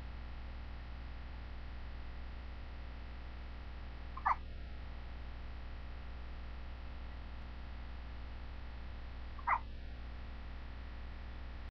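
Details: 3-week-old baby boy hiccuping while asleep: two brief, sharp little catches about five seconds apart over steady low background hum.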